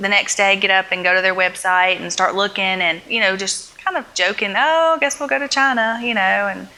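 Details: Adult woman speaking; ordinary speech.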